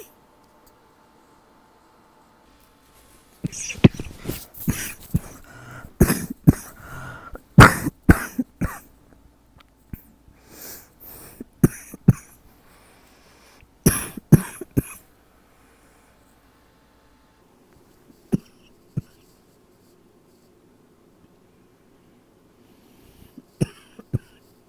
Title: #6 - nighttime cough